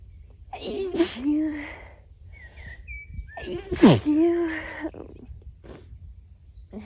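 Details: Person sitting among flowers outdoors on a sneezy day: two forceful sneezes, each a sharp inhaled build-up followed by an explosive burst, with faint birdsong in the background.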